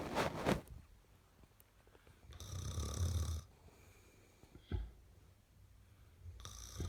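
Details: Girl snoring; a low, rumbling snore on one breath, with softer breathing and brief noises around it, in a quiet room.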